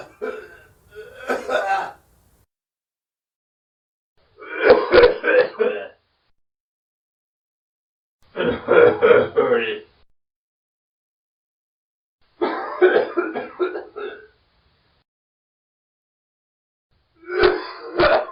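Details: Man's forced dry cough, recorded as a sound effect: five spaced, rough, dry cough bouts with no phlegm; acted, forced dry cough.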